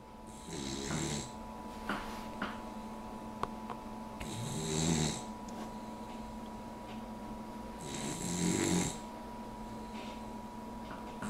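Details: Female Puggle dog snoring with her head propped up on an armchair arm, the only position she snores in: three slow, regular low rumbling snores with a hissing edge, about 16 breaths a minute.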